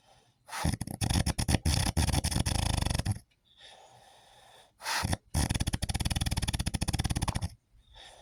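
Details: Husband snoring in his sleep: loud, fluttering, vibrating snores on each breath in, with short silent gaps between them; heavy snoring.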